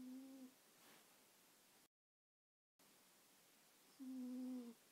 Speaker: sound is the sound of believe it or not a snoring cat okay